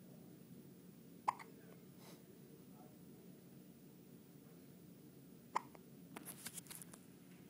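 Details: Baby with hiccups: two sharp hiccups about four seconds apart in a quiet room, followed by small fussing sounds.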